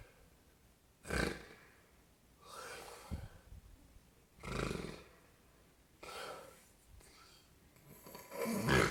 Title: Snoring ugly Grand Pop